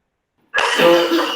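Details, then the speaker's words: A single harsh, noisy cough burst with throaty rasp after silence, from a patient who sits with his arms on his thighs while coughing; a cough case in a homeopathy repertory webinar. "then he sits with his arms on thighs when he is cuffing"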